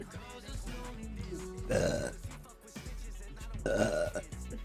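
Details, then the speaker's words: Loud, long, voiced belches, two in a row with quieter throat sounds between, from a female burping on purpose over background music; burping. "Why am I burping so much? You know? There you go."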